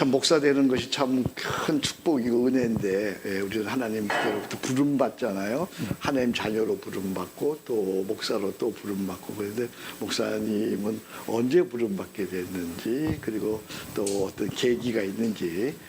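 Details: Adult male speaker; Normal voice.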